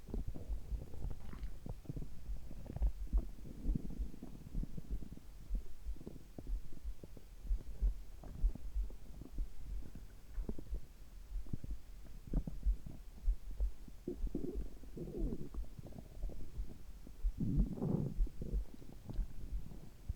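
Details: Frequent gurgles and loud rumbles over soft, slow low heartbeat thumps, recorded together: active bowel sounds, stomach rumbling.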